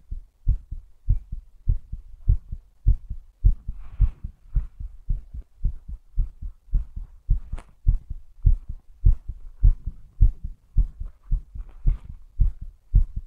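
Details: Strong, regular low paired thumps about 105 per minute; strong normal heartbeat.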